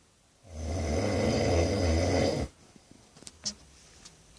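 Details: Sleeping person snoring heavily: one long, loud, rumbling snore on the in-breath lasting about two seconds, then quiet.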